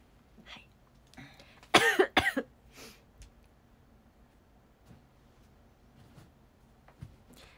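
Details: A brief burst of three or four dry, harsh coughs with throat clearing in a quiet room; frequent cough attributed to recently developed asthma, with no cold, fever or runny nose.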